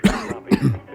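Two short, rough cough bursts from an adult, acted for a radio advertisement, with a quiet pause between them; a plain cough.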